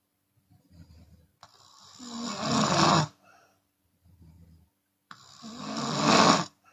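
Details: Chinese woman sleeping with open mouth, sometimes exhaling audibly: two long, loud, harsh snores on the in-breath, each followed by softer rumbling out-breath, about eighteen breaths a minute; open-mouth snoring.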